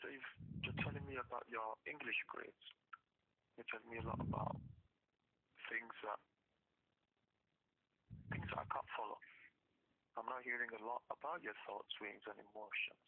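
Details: Adult male speaker over telephone line; normal speech.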